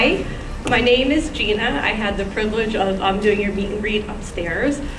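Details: Adult woman; Typical adult speech.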